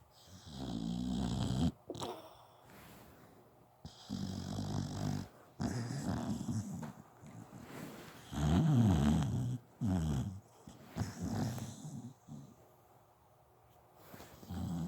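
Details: Zoey, a sleeping dog, gives repeated low, rumbling snores with snorting breaths, about one every two to three seconds; snoring.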